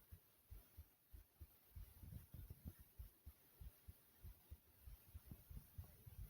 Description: Not only is my heart beating fast and hard, but you also hear my stomach. growl a few times as well.